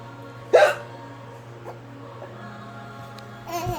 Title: Baby laughing at mami with hiccups